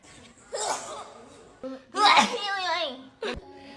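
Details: Adult female K-pop singer sneezing, from a sneezing compilation: a sharp, high sneeze burst, brief voiced reaction sounds, then a second short burst; sneezing.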